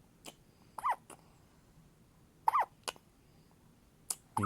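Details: A baby's first hiccups, recorded 8-3-16: small repeated hiccup jolts with soft squeaky voiced catches, irregularly spaced over a few seconds.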